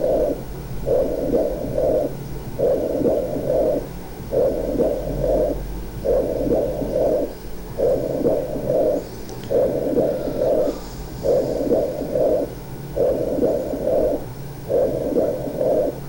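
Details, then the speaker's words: Stethoscope over the area of a pleural effusion while the patient whispers "1, 2, 3": whispered counting transmitted clearly through the chest wall in regular groups of three, whispered pectoriloquy. "Vamos entonces a colocar el estetoscopio pidiéndole que diga 1, 2, 3 cuchicheado en el área de derrame pleural, y esto es la pectoriloquia áfona."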